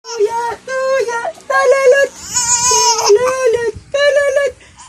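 Several loud, high-pitched wailing cries from an infant with short pauses between them, in a small room; an ordinary infant cry.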